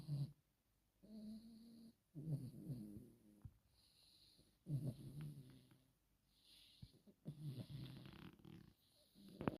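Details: Low, rumbling snores from a sleeping Chihuahua, about four or five in ten seconds with quiet gaps between; ordinary snoring.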